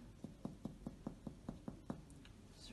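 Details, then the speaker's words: Resonant percussion note, eight evenly spaced hollow taps over the lateral anterior chest, both sides, during a simulated student respiratory examination; no anterior abnormalities, normal over air-filled lung. "and now I will percuss laterally then and now the Exeter and on the other side also resonant so there were no abnormalities anteriorly"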